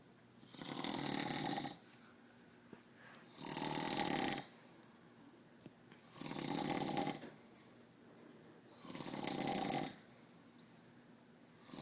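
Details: A father snoring: harsh, rasping inspiratory snores, about 22 breaths a minute, with quiet pauses; loud, steady snoring.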